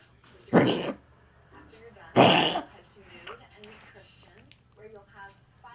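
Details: A cough.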